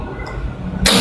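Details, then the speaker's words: Cough from a person who says they have lost their voice and have a cold, flu and cough. "Suaraku habis teman-teman. Aku pilek sebenarnya, aku flu, batuk."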